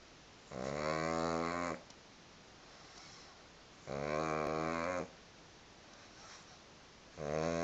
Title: My pug snoring. Too cute!